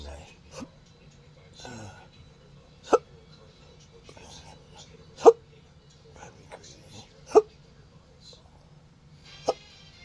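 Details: Person describing a disabling, rare condition of hiccups and burping, recorded May 15, 2025: four sharp, abrupt gulping clicks spaced a couple of seconds apart in a quiet room with low hum; repeated hiccups.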